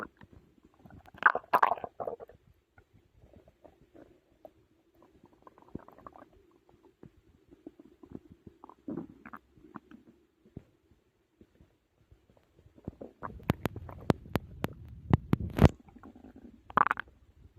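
Gurgling, bubbling and squelching stomach noises come in bursts between quiet stretches. Normal digestion sounds after a large meal.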